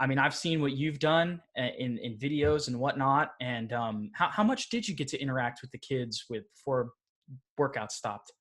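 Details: Adult male speaker; normal speech.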